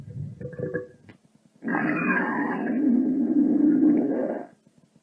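A few faint gurgles, then a sustained low rumbling growl of about three seconds; ordinary stomach growling from moving gut contents.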